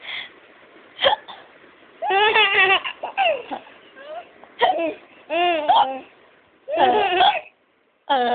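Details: Adult mother's sharp, abrupt hiccups, each followed by bursts of a baby's giggling laughter: hiccups.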